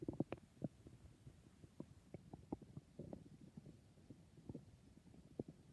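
Quiet bubbling, gurgling pops and brief rumbles from the belly, the ordinary growling of a digesting gut.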